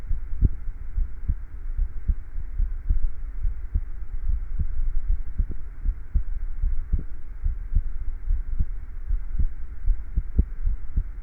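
Steady, regular low thumps at about 75 beats a minute over a soft constant hum; an ordinary normal heartbeat.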